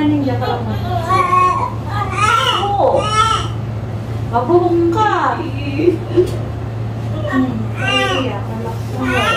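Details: Thin, high cries of a newborn just after a normal delivery to a 33-year-old first-time mother, heard over a steady low hum and adult voices in the delivery room; newborn's first crying.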